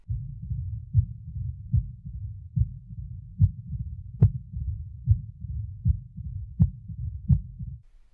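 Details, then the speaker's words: Mid-diastolic murmur of mitral stenosis: low rumble starting a short time after S2, possibly following an opening snap; regular heartbeat about 75 a minute. "a mid diastolic murmur as in mitral stenosis starts a short time after s2 and may follow an opening snap"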